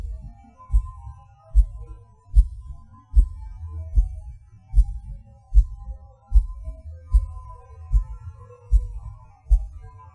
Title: Erratic heart beat. PVC/PAC Sound, Stopping & Skipping/Extra beats